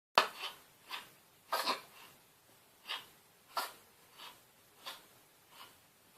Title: Animals Sneezing Compilation 2013 NEW HD]